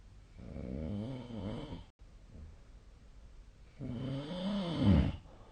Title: 🐽 本日のイビキ / Snoring Sleep Sound 2025/02/11